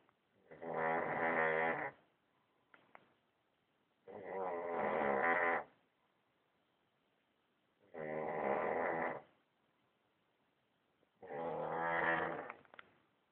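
Loud, rasping snores at about 17 breaths a minute, each lasting over a second with quiet pauses between; ordinary heavy snoring.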